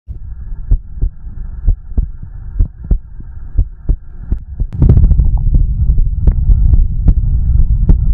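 Dull, regular heartbeat thumps over a low hum and rumbling, growing louder partway through; heartbeat with stomach growling.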